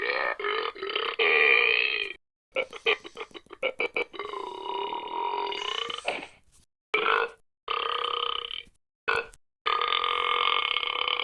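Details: Run of loud, drawn-out and rapid staccato cartoon burp sound effects separated by brief silences: burping.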